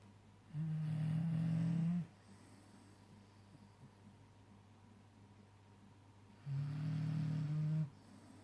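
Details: Sleeping Staffordshire bull terrier with tongue out: two long, low rumbling snores about five seconds apart on the in-breath, with quiet breathing between; snoring.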